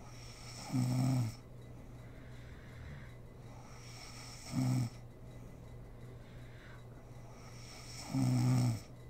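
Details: Snoring from a sleeping mother: three rattling inspiratory snores, roughly 16 breaths a minute, with quiet pauses and a steady background hum.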